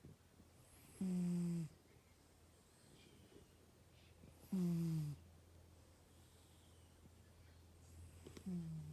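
Three loud, low, rattling snores on breathing in, roughly 17 a minute, over a steady low hum in a quiet room; ordinary snoring.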